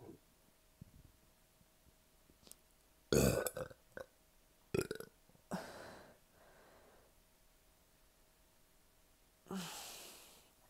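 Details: Several loud, deep, rumbling burps over about ten seconds in a quiet room, after a large fast-food meal and a liter of soda with a bloated stomach; repeated belching.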